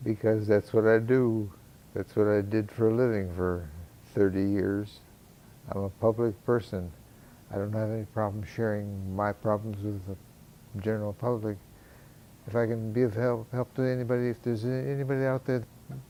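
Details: 75-year-old man with Parkinson's disease, symptoms noticeable since 2012, speech and walking severely impaired by 2015, now improved after deep brain stimulation surgery; hypokinetic dysarthria (Parkinson's disease)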